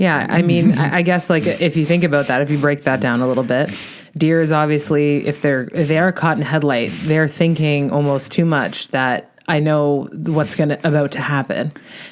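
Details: Adult speaker; fluent speech.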